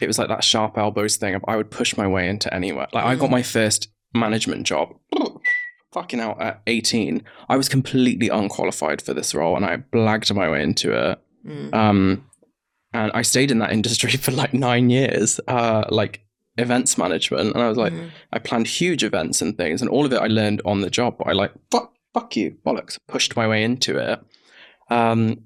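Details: Adult man, 32, with Tourette syndrome acquired about seven years earlier, in his mid-20s, after a brain injury; occasional returning stammer; involuntary swearing and whistling tics; vocal tics with coprolalia (Tourette's syndrome).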